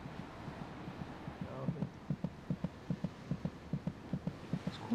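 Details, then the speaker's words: Fetal heartbeat at 26 weeks of pregnancy, when it may just be possible to hear it by putting an ear against the mother's abdomen; the fetal heart beats about twice as fast as the mother's. "by week 26 it may just be possible to hear the fetal heartbeat by putting your ear against the mother's abdomen"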